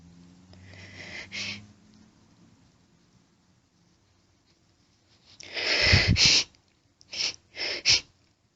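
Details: Female allergic sneezing fit with rapid groups, hitching and buildups: breathy buildup, then a loud forceful sneeze followed quickly by two more and a sniff.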